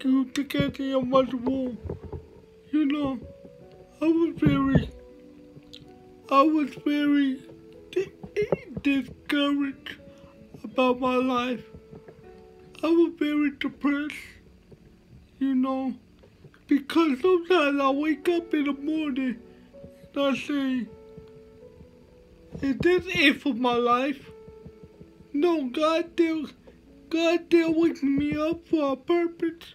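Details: Dysarthria with slurred speech in a male motivational speaker with cerebral palsy, speaking in a real talk.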